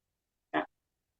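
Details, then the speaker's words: Single brief, rough snorting breath from a resting pet against silence, recorded during a live talk: snoring. "Ou seja, a Nina está roncando aqui, não sei se vocês estão ouvindo."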